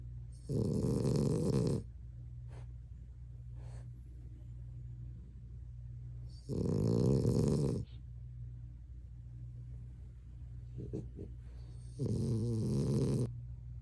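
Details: A sleeping chocolate French bulldog snoring loudly: three loud, rumbling snores, several seconds apart, over a steady low room hum.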